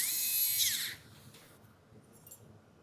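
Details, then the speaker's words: Surgical drill running about one second through a thick skull base, high-pitched whine then quiet, during a cadaver lab demonstration of endoscopic sinus surgery complication management (CSF leak repair, SPA ligation). "And so I've got a drill here in case you want to... Let's drill it."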